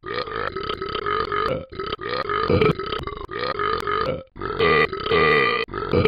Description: Just burping.